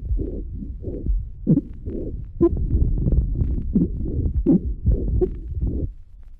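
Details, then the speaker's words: Child with staphylococcal pneumonia: rapid, harsh, hollow bronchial breathing with occasional short expiratory grunts, soft crackles and coarse rales. "El siguiente paciente presenta respiración bronquial con gruñidos expiratorios ocasionales, unos crepitantes suaves y estertores gruesos como resultado de una neumonía por estafilococos."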